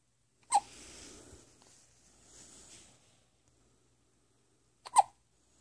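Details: Two abrupt hiccup sounds about four seconds apart, with soft breathing between them; hiccups.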